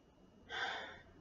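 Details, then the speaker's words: Respiratory assessment of a female patient: stethoscope auscultation over the back in a Z pattern while she takes a full deep breath; unobstructed breathing with no wheeze or rattle, all lung fields clear. "then you want to go on the z pattern deep breath all fields are clear so far"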